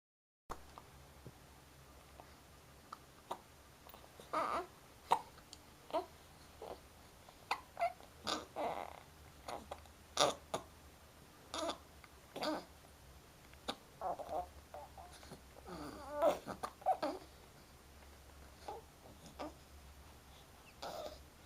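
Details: Twin infants babbling with hiccups: repeated short, abrupt catches of breath with soft babbling in a quiet room; infant hiccups.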